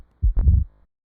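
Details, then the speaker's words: Simulated heart cycle: low thump, a sharper second sound with opening snap, then a low rumbling mid-diastolic decrescendo murmur fading away through the narrowed mitral valve; mitral stenosis murmur. "blood rushes through the narrowed maral valve producing turbulent flow and this is audible vibrations from these that that produce our mid diastolic decrescendo merma"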